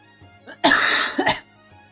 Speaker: Just the remnants of being saved there just like the echo of just like a very scary cough.